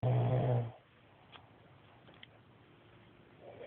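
One loud, low, rattling snore on an in-breath, then quiet breathing in a small room.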